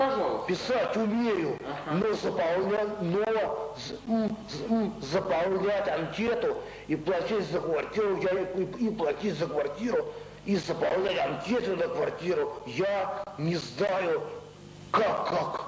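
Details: Adult man with mild intellectual disability (debility) and speech pathology, recorded in a 1995 psychiatric interview film; speech disorder in mild intellectual disability.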